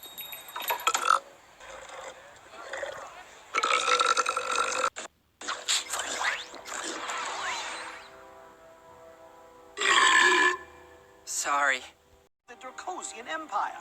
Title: Ben 10 Burp Compilation